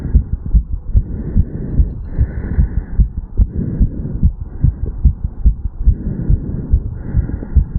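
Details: Fast, regular heartbeat with clear thumping beats of a 35-year-old male after an afternoon walk/sprint, recorded over the mitral (bicuspid) valve area.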